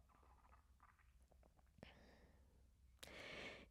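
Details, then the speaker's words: Bowel sounds (peristalsis) heard during a relaxing legs-up-the-wall yoga pose at rest: soft gurgling and brief bubbly rumbles. "then I get a little tummy rumbling a little peristalsis so you might hear that on the recording"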